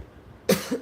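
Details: Harsh single cough burst after quiet room noise, with a trailing second effort, in a person sick off and on for about 7 months who describes a separate painful "walrus" sound as different from the cough; cough.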